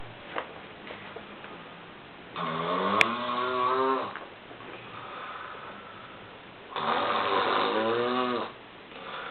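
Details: Flatmate snoring after a hard night of heavy drinking: two long, loud, rattling snores about four seconds apart, with quieter breathing between them.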